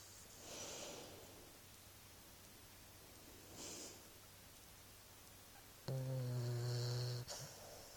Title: Our snoring boxer pup!